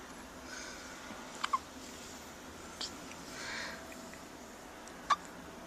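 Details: Hiccups in someone addressed as "baby": three brief, sharp, faint hiccup-like clicks over about six seconds in quiet room noise.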